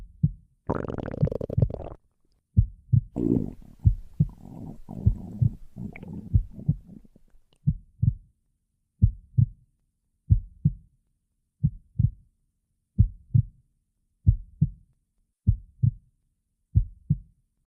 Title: My Heartbeat 🥰💕 (plus Stomach Growling) #22